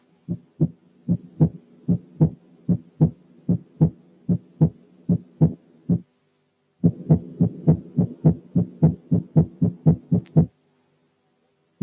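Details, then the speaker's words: Normal heart sounds at 75 then 105 beats/min: regular lub-dub, first sound lower-pitched and longer than the second; teaching recording. "تعالوا نسمع كده النورمال هارت ساوندز على سرعة 75 وبعدين على 105، وحاولوا انكم تركزوا على التعرف على الفيرست هارت ساوند من السكند هارت ساوند عن طريق الكواليتي والبيتش بتاعت كل واحد منهم بس."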